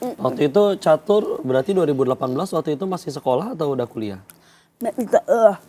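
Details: Adult speaker in conversation; Normal speech.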